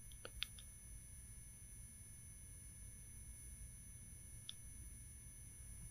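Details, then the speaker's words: Simulated tinnitus in a film scene (The Hunger Games), after the character is thrown by a nearby explosion: steady high-pitched ringing tones over a low muffled rumble: tinnitus simulation. "Her head is ringing. Ears are ringing. She's looking around."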